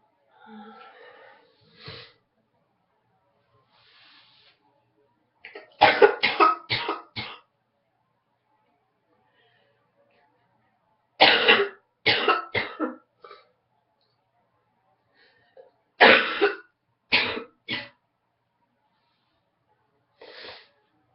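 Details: Adult who woke up congested with a morning head cold: three bouts of harsh, rapid coughing, roughly fifteen coughs; cough with head cold.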